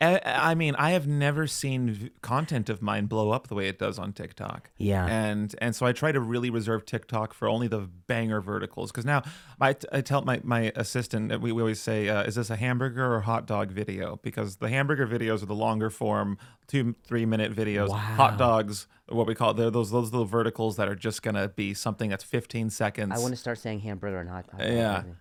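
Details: Adult male speakers in a podcast conversation; ordinary conversational speech.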